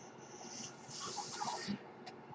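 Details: The speaker's own mechanical ventilator running in the background while he talks: a steady airy hiss with a soft surge of airflow and faint clicks.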